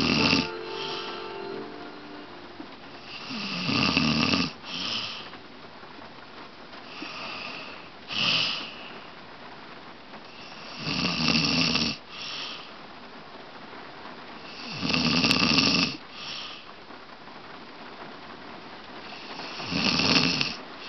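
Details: Person caught snoring on camera: loud, rough snores with each inspiration, about 15 a minute, over soft background music; snoring.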